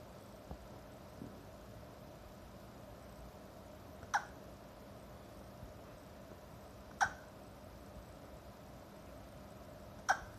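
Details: 4-month-old female Shih Tzu puppy with hiccups while falling asleep: three sharp, brief hiccup clicks about three seconds apart over a quiet, steady room hum; hiccups.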